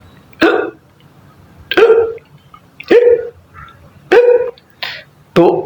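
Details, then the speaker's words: A sound example of hiccups: six sharp voiced hiccups, roughly 50 a minute, each a sudden catch of breath with a brief vocal 'hic'; ordinary hiccups, generally harmless and self-resolving within minutes. "तो हिचकी की ये कैफियत क्या है? ये नुकसानदेह होती है। Generally it's it's harmless."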